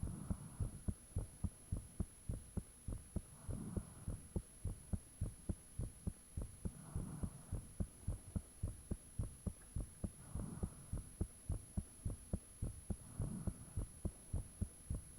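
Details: Own heartbeat recorded with the fan off, shortly after the heart began feeling really thumpy: steady, strong beats about 105/min with a faint hum and high steady background tone; valves said audible at times; heartbeat.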